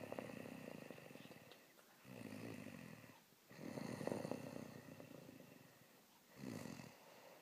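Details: Person recording their own snoring: low rattling snores with each breath in, about three cycles in seven seconds, separated by quieter breathing out; snoring.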